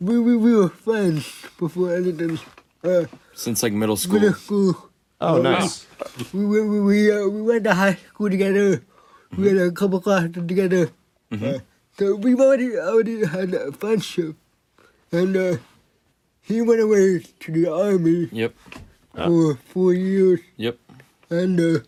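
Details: 24-year-old man with cerebral palsy, a motor disability affecting control of his body; dysarthria.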